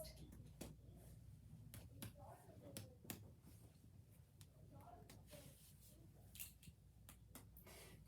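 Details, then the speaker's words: Chest percussion during a physical exam, anteriorly then posteriorly and laterally: repeated sharp, hollow finger taps giving a normal resonant percussion note, judged to sound fine. "okay we're also going to go posteriorly and percuss also going to go just a little laterally as well and that sounds fine"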